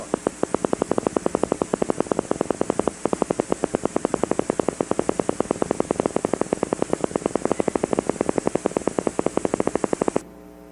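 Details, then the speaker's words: Needle EMG teaching example: fast, regular popping of a single motor unit speeding up to about 11–12 hertz with no second unit joining: mildly reduced recruitment. "that example in my opinion is the most difficult thing to recognize that's mildly reduced recruitment in most muscles"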